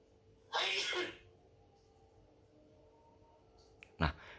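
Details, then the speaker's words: Sneeze played as the second test for a TinyML cough/sneeze/noise detector (decision tree, KNN, random forest) on an ESP32 with an analog microphone module read via ADC. One sharp hissing burst of air, then a click; the ESP32 correctly detected the sneeze. "di sini SP32 berhasil mendeteksi suara bersin."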